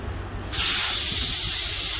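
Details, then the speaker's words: Quiet hum, then a sudden steady loud hiss as the built-in nebulizer of a 5 LPM digital oxygen concentrator starts running after its nebulization nut is released; oxygen output drops during nebulization. "See, nebulization has started. So when nebulization is starting, automatically the oxygen will become low."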